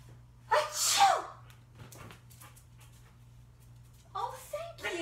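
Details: Pretend (acted) single adult sneeze: one forceful, hissing sneeze, then quiet room noise and a brief voice afterward.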